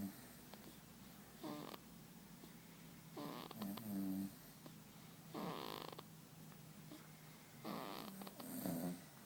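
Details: Sleeping baby, recorded September 2012: soft, fluttering noisy breaths about every two seconds, light snoring.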